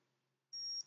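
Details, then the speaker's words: Medtronic insulin pump worn by a person with diabetes: a single sharp, high electronic beep, a reminder alarm to check blood sugar; insulin pump alarm. "why do I have an alarm oh because I want to check my blood sugar"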